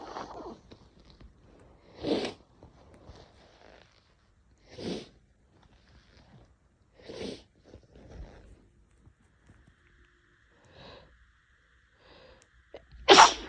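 Several short, sharp sneezes spaced a few seconds apart, with a louder final sneeze: a sneezing fit.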